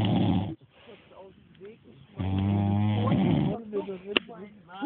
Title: Schnarchsack